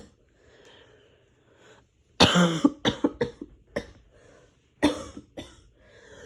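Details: Harsh, painful-sounding coughing fit.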